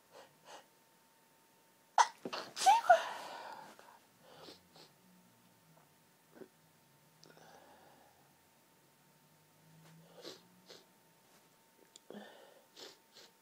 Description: really girly sneeze fit caused by hayfever, sneezing into tissues near the end of the fit